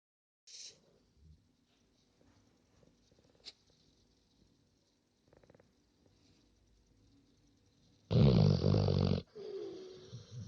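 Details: Loud, harsh, rumbling snore and softer follow-up breath from a big puppy (dog) sleeping, between quiet stretches with faint sounds; snoring.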